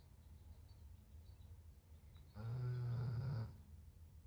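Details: Snoring: a single low, rumbling snore about a second long over quiet room noise.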